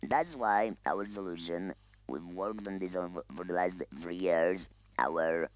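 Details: Adult man who lost his voice to laryngeal cancer 8 years ago, speaking with an electronic larynx held next to the neck, which has its own vibration mechanism and amplification; electrolarynx speech.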